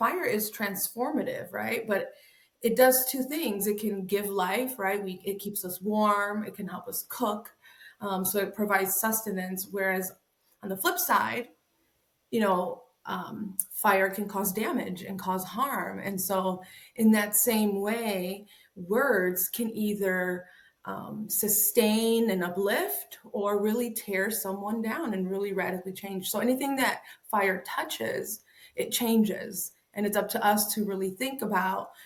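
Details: Adult woman speaking; ordinary speech.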